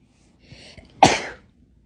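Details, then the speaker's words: Man sneezing on a woman: a few quick catching in-breaths, then a single sharp, explosive sneeze that trails off. "Oh my gosh. Are you sneezing on me?"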